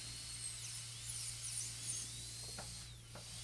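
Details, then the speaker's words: Dental drill whine rising and falling as a flat-end cylindrical diamond cuts from embrasures into grooves for occlusal clearance in a full gold crown preparation on tooth #30, a practice model tooth, with low hum. "Come around into the groove, from this groove, cut around into this embrasure, and then up here, ultimately coming down into that embrasure. So we're starting to get some clearance all the way along there."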